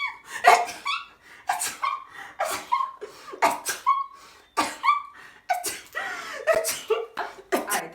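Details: Adult acting out a "non-stop" sneeze type: a rapid run of about ten voiced sneeze bursts back to back with quick breaths between, performed for comedy; repeated sneezing.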